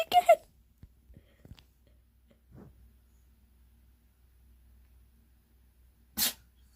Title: sneezing cat very strange